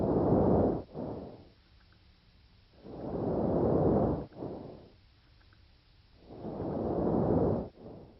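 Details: Vesicular breath sounds: intermediate pitch and intensity, inspiratory and expiratory sounds about equal in duration, a silent gap may or may not separate them.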